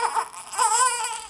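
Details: Baby girl crying in high-pitched, tonal, wavering wails; father tried everything to stop the crying without much success, and she seemed to settle when sitting up; ordinary infant crying.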